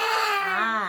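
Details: Brief, loud, tonal wail from a young child, reportedly about 4 years old, steady then slightly rising in pitch: child crying.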